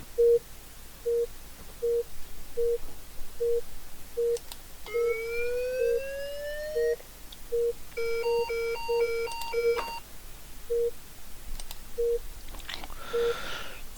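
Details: Simulated patient monitor (ReSimulate Android app), defibrillator synchronized mode set to 200 joules: regular short beeps marking each beat, a rising charge tone, rapid alarm tones, then a shock sound.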